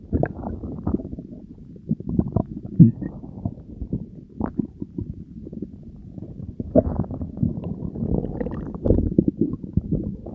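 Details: Belly gurgles ASMR after diet coke and Mentos said to be taken into the stomach: continuous low gurgling and bubbling rumbles with frequent louder squelches; active bowel sounds.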